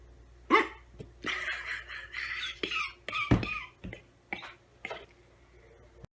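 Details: Person laughing at their own hiccups during about two minutes of hiccuping: several short, sharp gulping hiccups at irregular intervals in a quiet room.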